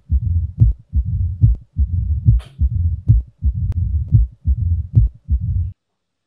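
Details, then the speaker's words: A diastolic murmur heard during simulated cardiac auscultation of a virtual patient on a medical teaching platform. "aquí un soplo diastólico."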